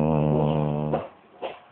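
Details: Snoring from a sleeping female dog: one steady, low, buzzing snore about a second long, followed by a faint, short snort.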